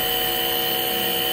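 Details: Omron NE-C801 compressor nebulizer running during unboxing: steady, loud mechanical hum and hiss.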